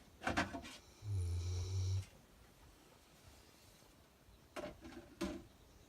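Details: Dog snoring while asleep, worn out after a morning walk in the hills; low rumbling snore with softer breathy noises in a quiet room.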